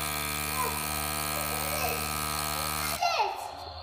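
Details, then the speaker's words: Battery-operated baby nasal aspirator with three tip sizes, used to clear a baby's congested nose: a steady buzzing motor hum for about three seconds, then it stops, while the aspirator is moved gently without breaking the seal. "move the aspirator gently around while not breaking the seal to clear out as much of the nasal passage as possible"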